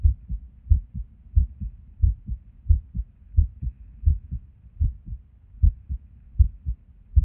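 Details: Resting heartbeat recorded at Erb's point while sitting at a desk, heart often skippy with or without reason: heart sounds about 90 a minute with uneven spacing between beats; an irregular rhythm with skipped beats.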